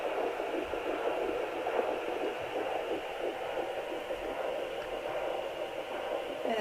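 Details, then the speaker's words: Home fetal Doppler at about nine weeks in a third pregnancy, probe pressed low and angled toward the pubic bone: faint, rapid whooshing pulses through hiss; displayed rate possibly incorrect; early fetal heartbeat. "it's very faint being so early but this is where I found baby down here"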